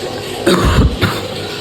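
Two quick, harsh coughs from an adult, with faint music behind.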